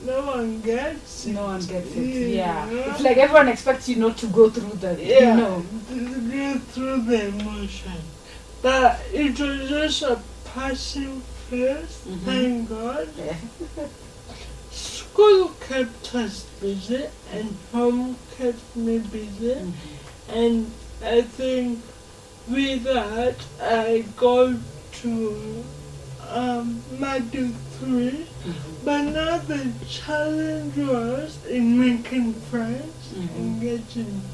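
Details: Dysarthria in a 26-year-old woman with lifelong cerebral palsy, who learned to talk much later than other children; real, not acted.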